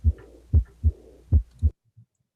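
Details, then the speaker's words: Teaching recording of a diastolic murmur of pulmonary regurgitation: two lub-dub cycles at about 75 a minute, with a soft blowing murmur starting at the second heart sound; a brief voice at the end. "so that's a that's a diastolic murmur so then we can go to the next question so you can hear the murmur starts at the dub right love dub"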